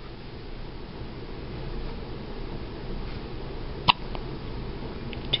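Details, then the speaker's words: Three-day-old baby boy, who hiccuped often in utero, having one of many hiccup fits: soft room noise broken by a sharp hiccup, then a fainter second one; hiccups. "the hiccups huh poor thing poor thing there's nothing Mommy can do to help you though"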